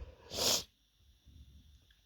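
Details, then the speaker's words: Single forceful explosive sneeze followed by quiet breathing and sniffing, from a dust allergy triggered after someone dusted the house; nose tickling beforehand. "Oh, this is making me sneeze like crazy. Hey, you, you. Oh God. Yeah, it's just tickling my nose like so bad. I feel this sneeze coming."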